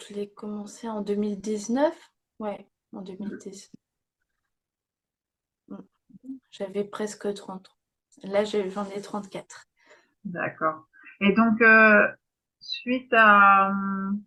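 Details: Young woman, speaking French, with aphasia after a stroke at age 22 that affected her speech and grammar; aphasia after stroke.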